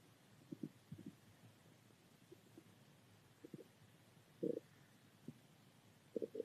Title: Stomach growl